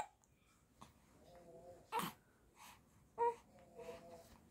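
Two sharp, brief hiccup sounds about a second apart, with soft infant vocal sounds between them in a quiet room.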